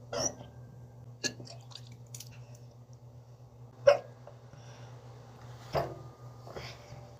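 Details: Hiccups, apparently in a cat: several brief, sharp, isolated gulping sounds spaced seconds apart in a quiet room with low hum.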